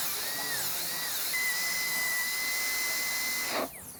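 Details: High-speed dental handpiece with 1557 carbide bur connecting facial guide cuts in an all-ceramic crown prep (rounded shoulder) on tooth #9, before switching to diamond: steady high-pitched whine with airy hiss, pitch shifting as it cuts, then spinning down.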